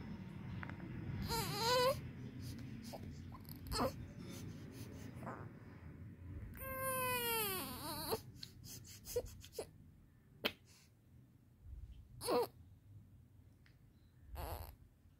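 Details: A 19-day-old newborn gives brief, high-pitched cries, with a longer falling wail, between quiet stretches and soft room noise.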